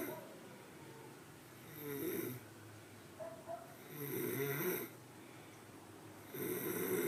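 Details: Snoring.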